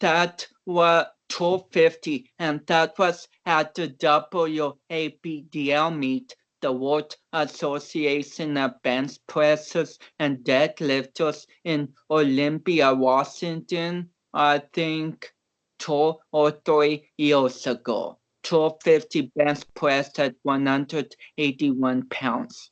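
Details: About 29-year-old male powerlifter with cerebral palsy whom doctors had not expected to walk or talk; real conversational speech showing dysarthric speech due to cerebral palsy.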